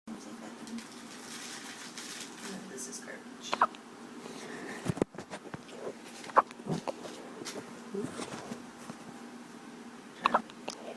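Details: An infant's first case of hiccups: three short, sharp hiccup sounds a few seconds apart over a steady low room hum.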